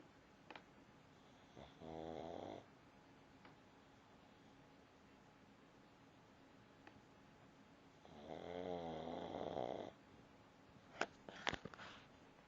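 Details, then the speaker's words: Pug dog, a flat-faced breed, snoring loudly as usual while asleep: two long rattling snores about six seconds apart in a quiet room, then a few sharp snorts; snoring. "You're snoring. You're snoring. You're still snoring."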